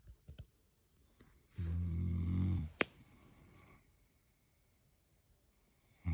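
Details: One loud, low, rattling snore lasting about a second in a quiet room, with a click afterward, from a person sleeping while on holiday in London; snoring.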